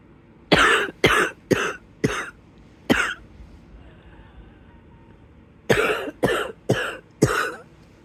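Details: Wheezy coughing spell in bed at the start of an episode: two bursts of about four or five harsh coughs each, with a faint whistling breath between them.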